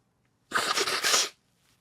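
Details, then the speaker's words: An adult speaker sneezes once while giving a recorded talk; sneeze. "Look, I sneezed. Did you say God bless you? I didn't hear it."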